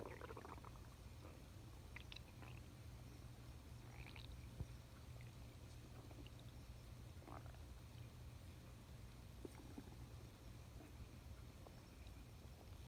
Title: Male stomach growling